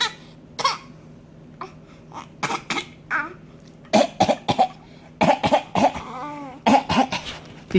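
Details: Voluntary cough from an infant who is getting mad: a run of short, forced coughs mixed with fussy vocal sounds, a deliberate cough for attention.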